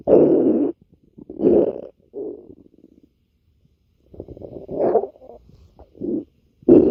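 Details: Irregular low gurgling rumbles and squeaky bursts from the belly; ordinary stomach growling (borborygmi).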